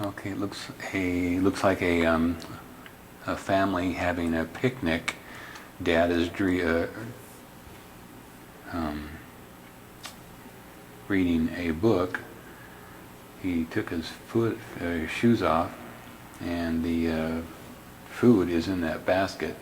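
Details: Logopenic variant primary progressive aphasia, an Alzheimer's disease phenotype, in a man describing a picnic scene, with word-retrieval and repetition problems, paraphasic and phonologic errors in spontaneous speech; signs are subtle.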